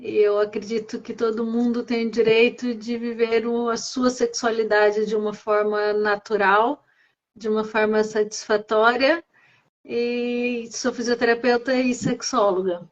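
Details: Adult woman speaking Portuguese; Normal speech.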